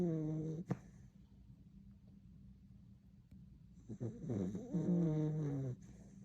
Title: Puppy snoring is fun to listen to. Turn up the sound and enjoy. ;)